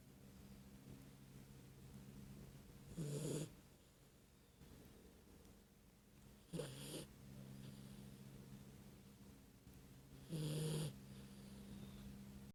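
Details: Dog Laila asleep: three rough, rattling snores, roughly 16 breaths a minute, over a steady low room hum; snoring.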